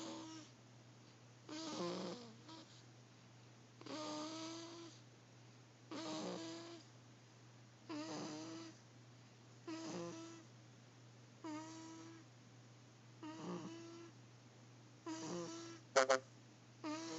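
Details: Sleeping cat snores in a steady rhythm, about 30 soft, buzzy breaths a minute, recorded on an Android phone.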